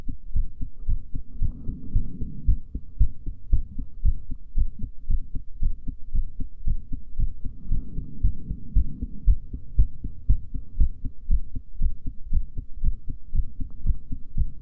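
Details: Female heartbeat during breath holding: steady, regular low thumps at about 115 a minute with a faint background hum; normal heart sounds.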